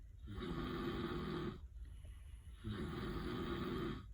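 Two long, low rattling snores on the in-breath with a quieter pause between: ordinary snoring during sleep.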